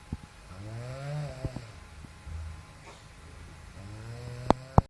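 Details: Slow, drawn-out, low rumbling breaths with a buzzing, vibrating quality, broken by a few sharp snorts; snoring during sleep.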